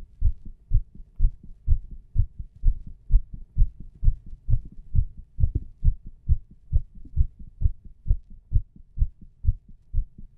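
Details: Regular low thumping heartbeats, fairly quick at roughly 130 a minute; heart sounds.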